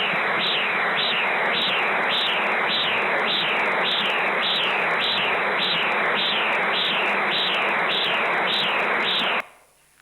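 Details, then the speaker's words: Transcranial Doppler over a stenosed basilar artery: harsh, rough pulsing whoosh at about 100 beats a minute, a bruit from turbulent flow through the narrowing. "so can increase the volume that's it yeah you're hearing the brewery there just like how you hear the brewery with your stethoscope basilar"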